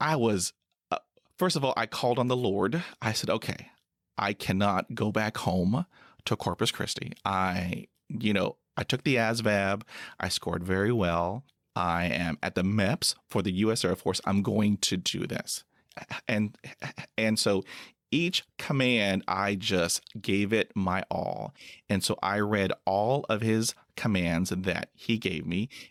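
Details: Adult man who stutters and is a Persian Gulf War veteran whose stutter was noticed at military entrance processing: stuttering.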